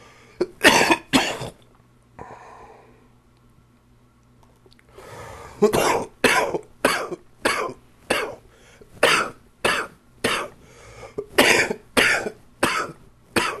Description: More chest cold coughing...enjoy!